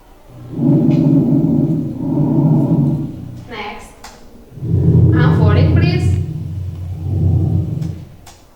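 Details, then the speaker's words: Lung auscultation teaching recording of wheezes: long, musical, low-pitched wheezes filling two breaths, indicating narrowed airways. "Wheezes. It is called Clark's wheezes."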